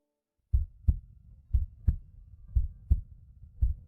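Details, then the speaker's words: Simulated fetal heartbeat on an ultrasound monitor in a dramatized prenatal check: regular paired low thumps at about 58 per minute; the doctor says the baby is normal. "At ano ang tunog na iyan? Yan ang tibok ng puso ng bata."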